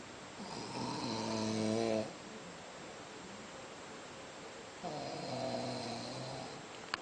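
Two drawn-out, buzzing snores about three seconds apart, with quiet room hiss between them. Ordinary snoring.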